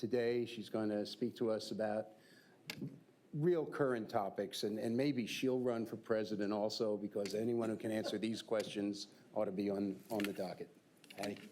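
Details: Adult male speaker; typical voice.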